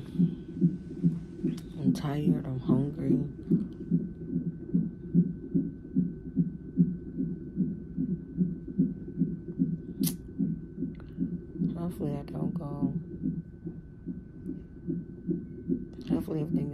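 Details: Woman 34 weeks pregnant in labor and delivery triage with severe pain and pressure, possibly Braxton Hicks. A good, strong fetal heartbeat on the monitor: rapid, regular whooshing pulses about 146 a minute, with brief voices. Normal.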